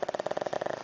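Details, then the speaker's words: A sleeping pet snoring in the evening, with a couple of snores trailing off before it stops and opens its eyes. "yes Horton's already done he's snoring yeah I I think every video we end it with this so I'm just going to do that bye guys we love you"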